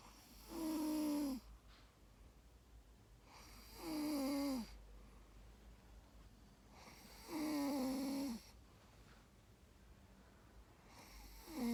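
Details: Sleeping female dog: loud, regular, fluttering snores with a slightly falling pitch, about 18 a minute; snoring.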